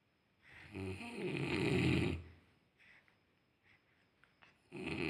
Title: Listening snoring first time.